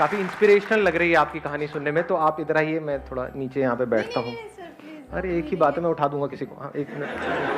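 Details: Adult male speaker in a hall; normal speech.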